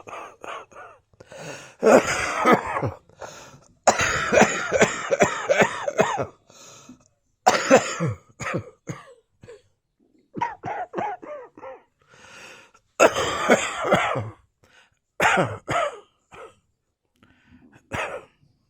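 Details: Adult wheezing and coughing in a dressing gown: repeated harsh, irregular coughing bouts with wheezy, strained breaths between some bursts.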